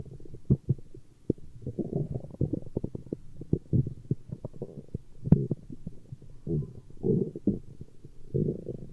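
Repeated low gurgling rumbles and soft bubbling pops throughout: ordinary stomach growling from gas and fluid moving through the gut.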